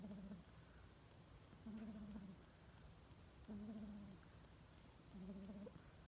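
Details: Soft, low, buzzing snores, about 35 breaths/min, from a bulldog puppy asleep after a big meal; snoring.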